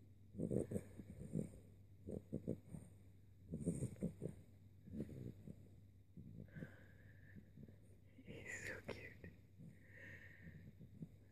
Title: Hawk snoring.